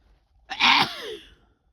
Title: Explosive sneezes! (F)